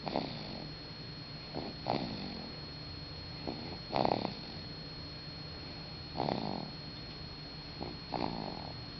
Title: Baby Snoring